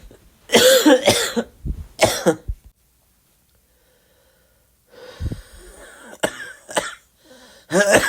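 Harsh coughs from an adult in bursts, with a pause between fits; a flu cough.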